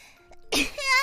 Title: double Sneezes in Supachat~ [Hololive]